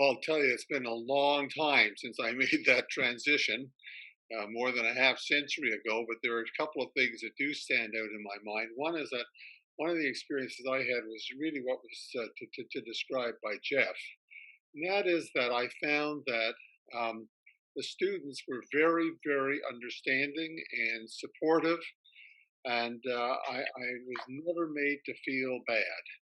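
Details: Retired male academic who stutters; spoke only with great difficulty when young, now has reasonably good control most of the time; part-word and word repetitions heard; stuttering.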